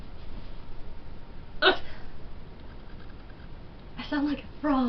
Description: i never get hiccups, and i'm glad i don't. i sound like i'm dying or s/t.